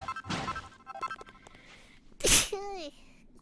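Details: Single sharp, explosive human sneeze during a video game livestream, followed by a brief voiced sound over game music and speech.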